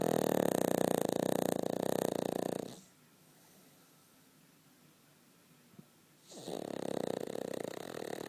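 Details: A Cavalier dog sleeping comfortably between its owner's legs gives loud, buzzing, rattling snores in two long stretches separated by a quiet pause.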